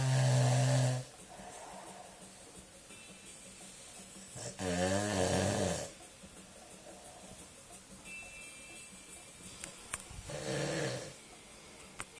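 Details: Adult man (father) snoring very loudly: rough snores about 5 seconds apart, roughly 12 a minute, with quieter breathing and faint room noise between them; heavy snoring.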